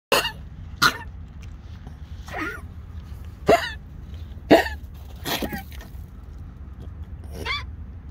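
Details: A dog gives a run of harsh, honking coughs, about seven bursts in eight seconds: cough.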